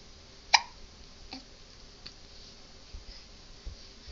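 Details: Faint, sharp, brief infant hiccups a few seconds apart in a quiet room, 3.5-month-old (15 weeks) baby boy, Monday morning.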